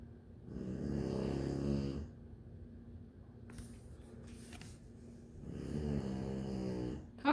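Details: A small, very tired sleeper who does not wake when called snores loudly: two vibrating, tonal snores on the in-breath, with a quiet breath out and faint room noise between them.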